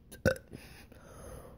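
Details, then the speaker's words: One loud, low, gurgling belch followed by quiet room sound; a single deliberate burp by a person. "today I'm going to be making a burping video because for some odd reason they get a lot of use so I'm just going to try it out and see if it works"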